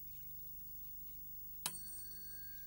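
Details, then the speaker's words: Tuning fork struck for the Rinne hearing test during a cranial nerve neurological examination; held in front of the ear and over the mastoid process. It gives a steady, faint, high ringing tone after a quiet moment. "I can take examination of the ears a bit further by using a tuning fork and I can do the Renee test"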